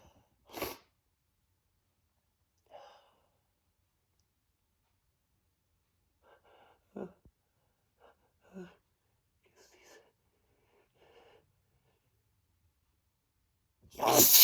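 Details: Male sneezing, huge desperate sneezes: a sharp sneeze, quiet gasping in-breaths as the next builds, then a second forceful sneeze.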